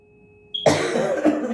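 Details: Person with a cough and cold during a tuning fork and Reiki session: a single harsh cough after a faint tuning-fork ringing tone in a quiet room.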